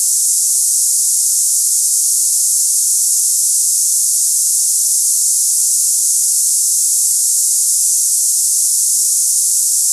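Steady high-pitched hissing, like cicadas, with no variation; a simulation of hissing tinnitus.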